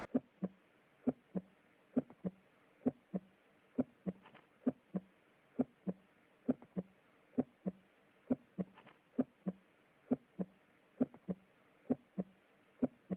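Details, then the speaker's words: Normal heart sounds: a steady lub-dub at about 66 beats a minute with crisp S1 (mitral and tricuspid closure) and S2 (aortic and pulmonic closure), no murmur. "तो यहां पे आप ये sound सुन सकते हो normally heart sound love dub यह सुनने को मिलता है"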